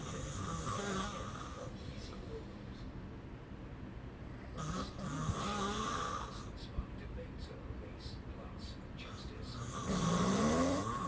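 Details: Loud snores about every five seconds, roughly 12 a minute, with faint background talk; the snoring kept the recorder awake all night long; snoring.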